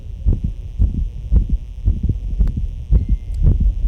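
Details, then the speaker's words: Dog with a grade 4/6 crescendo-decrescendo heart murmur, heard on both left and right, most intense on the right due to a defect, with arrhythmia. Heart rate about 113/min. "So this sound or murmur was graded as grade four out of six meaning um it can be heard both s left or s right both left and right me sound or"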